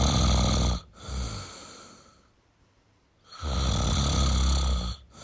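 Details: Adult male snoring: deep, heavy, rattling snores on the in-breath, separated by a quiet pause.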